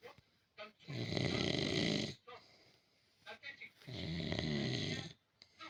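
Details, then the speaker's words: Sleeping person: two long, loud, rattling breath sounds about two seconds apart with quiet pauses between; snoring. "зайка Ты храпишь котнок храпишь да"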